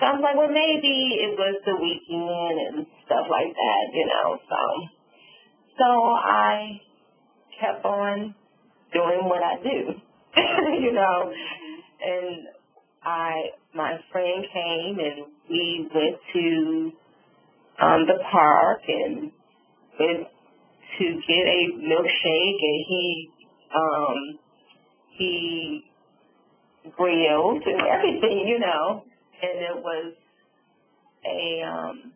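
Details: Adult woman, stroke survivor, with aphasia and apraxia of speech after a subarachnoid hemorrhage and stroke, semi-paralyzed on the right side, with word-finding difficulty.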